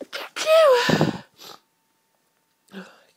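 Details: Very intense hay fever sneezing fit: a forceful, drawn-out sneeze with a voiced wail, then smaller bursts.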